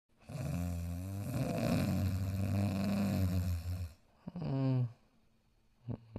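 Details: Simulated cartoon snoring of the animated dog character Dogtanian while sleeping: a long, low, rumbling drawn-in breath followed by a shorter whistling one.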